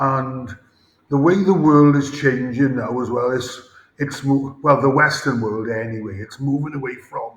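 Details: Adult male former rugby player with a debilitating stammer; stuttering.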